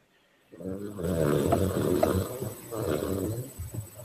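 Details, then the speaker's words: Loud, low, rattling rumble of a pet dog snoring in a small room. "my dog is snoring next I no I hear it I hear it oh yeah it's snore is loud it's pretty loud"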